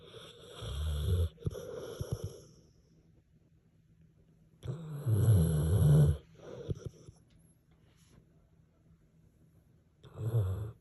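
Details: French Mastiff–Pitbull mix dog snoring while asleep: loud, rumbling snores in long noisy bursts with quiet gaps between them.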